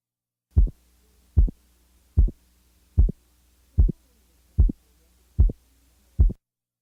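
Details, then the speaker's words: Simulated heart sounds about 75 per minute at base left: clearly split second heart sound, components 75 milliseconds apart, after 25 and 50 millisecond examples; split second heart sound. "now listen to a second sound splitting interval of 50 milliseconds now listen to a second sound splitting at 75 milliseconds"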